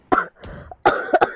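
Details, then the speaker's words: Young woman with a cold who says she is coughing a lot, while gaming and talking: two separate cough bouts, the second a quick double cough. "제 가 지금 감기 에 걸려서 기침 을 많이 해 요 ."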